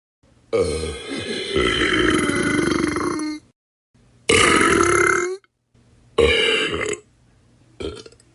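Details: Sound-effect compilation: three long, loud, voiced belches and a short fourth one, separated by silence; burping.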